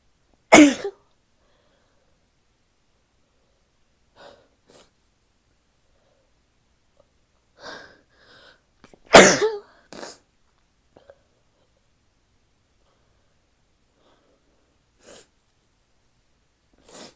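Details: Female with two sharp explosive sneezes followed by quieter sniffs and nose blowing in a quiet room; sneezing.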